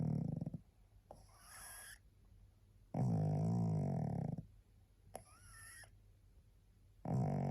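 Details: Tired pug, so sleepy she can hardly hold her head up, gives loud rumbling snores with squeaky, whistling nasal sounds between them, about eight breaths a minute; dog snoring.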